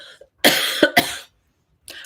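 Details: Adult woman during a live stream, with a lingering cough she attributes to allergies from blooming trees: two short, harsh coughs in quick succession in a quiet room, a dry cough.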